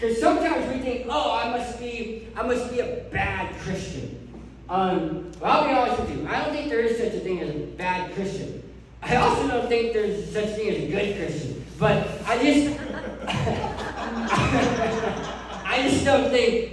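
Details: Adult male who lost 80% of his tongue to cancer, now with a permanent speech impediment; articulation disorder after partial glossectomy.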